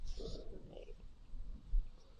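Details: Normal rumen sounds of a goat from a Nigerian Dwarf herd, heard through a stethoscope during a barn rumen check while she stands calmly: a low, soft gurgling rumble.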